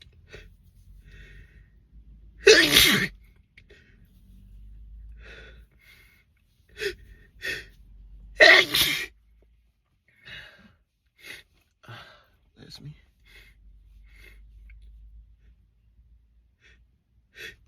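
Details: Sneezing in a car: two loud, forceful sneezes, each after a sharp inhalation, with quieter sniffs over low vehicle rumble.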